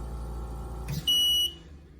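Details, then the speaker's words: Invacare home oxygen concentrator power loss alarm, demonstrated by unplugging the machine: a brief click, then a single steady high-pitched beep that repeats every three to five seconds while power is lost. "so i've unplugged the machine you'll hear that beep every three to five seconds [Music] you've lost power"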